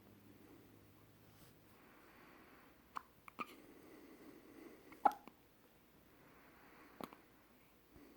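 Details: Brief, sharp hiccups recurring every second or two in a quiet room, some in quick pairs, from a child; ordinary hiccups.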